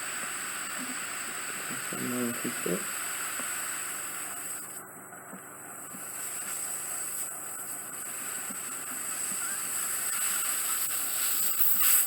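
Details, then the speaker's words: Steady high hiss of an ear wax suction machine with brief gurgling as it draws fully occluding soft wax, settled deep near the eardrum, from the right ear canal during endoscopic removal at a home visit. "it's settled on to the aerial lots of stuff I'll just get the suction machine"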